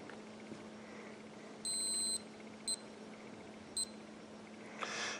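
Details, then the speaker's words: One long high beep, then two short beeps, as a HanrayCare blood glucose meter, just switched on, accepts an inserted test strip before a blood sample; faint room hum; the strip-insertion beep. "I've got a test strip ready I'm going to turn the unit on I'm going to put a test strip in there"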